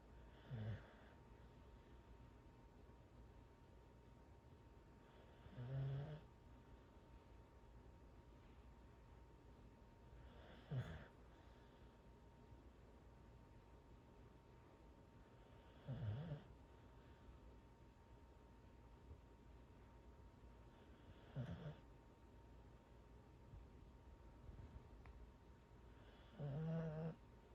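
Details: Corgi snoring while asleep on its owner's legs: low, rumbling snorts about every five seconds, roughly 11 a minute.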